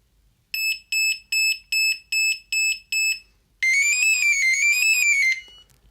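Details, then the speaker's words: Nanny Care BM03 (2022) under-mattress infant breathing monitor, sensor lifted so no movement detected, alarming after about 20 seconds: seven rapid high beeps then loud warbling siren; apnea monitor alarm. "Si je le laisse, dans 20 secondes, première alarme."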